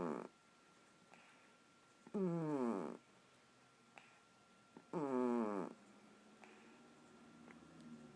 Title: My cat Poopers snoring